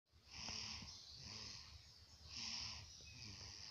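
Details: Sleeping baby with soft, rasping noisy breaths repeating about every two seconds; infant snoring.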